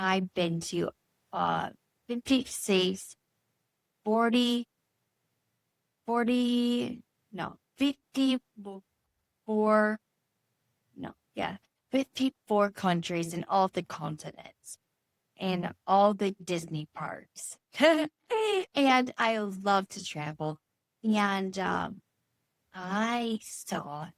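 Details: Adult woman, stroke survivor nine years after a brain bleed treated with surgery, with chronic aphasia and apraxia, struggling to produce a number; Broca's aphasia with apraxia of speech.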